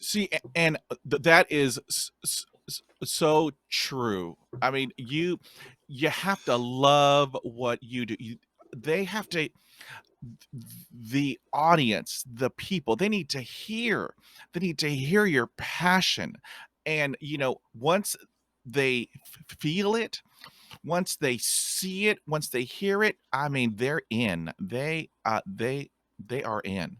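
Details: Adult man who stutters, describing himself as having a speech impediment and a stutter; stuttering.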